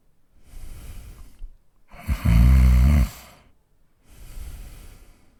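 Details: Adult man snoring, real recording: a soft breath, then one loud, low, rattling snore lasting about a second, then another soft breath.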